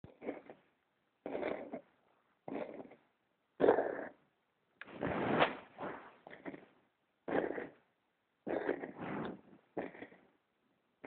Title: Smudge coughing!